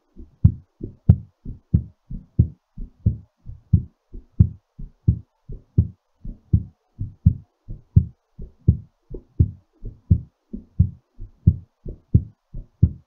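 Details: Steady low lub-dub thumps at about 88 beats per minute: a normal heartbeat slowing after exercise.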